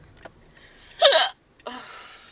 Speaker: okay we have matching hiccups right now it's 2012 and we have matching hiccups and that's so rare